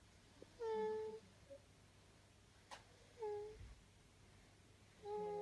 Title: snoring gently